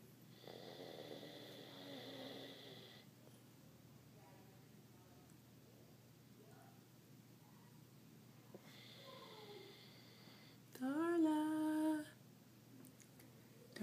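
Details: 12½-year-old dog in a deep nap, giving slow soft snoring breaths and one louder whining noise near the end; the dog won't wake when called. Snoring.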